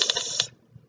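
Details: Speech therapist imitating (acted) a lateral lisp on /s/, air escaping out the sides of the tongue; lateral lisp, not a typical developmental error.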